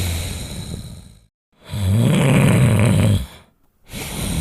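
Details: Sleeping Labrador dog snoring: deep, rattling, low snores in long drawn breaths separated by silent pauses.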